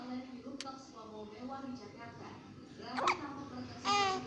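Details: Hiccups in a one-month-old baby girl: soft infant babbling broken by a couple of abrupt, sharp catches in the breath.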